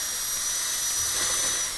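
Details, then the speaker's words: High-speed dental handpiece, steady high-pitched whine cutting a class II box on a maxillary premolar teaching preparation (amalgam/composite course); dental drill cutting. "Cut away from this wall here, away from this wall here. But mostly with a 55 burr, I want you to get rid of all the excess."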